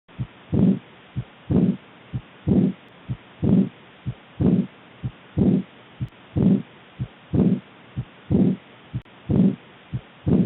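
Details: Aortic regurgitation murmur: steady heartbeat near 60 a minute with a long blowing murmur in each cycle.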